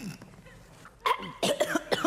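A few short, harsh adult coughs after a quiet stretch; acted cough in a comedy sketch.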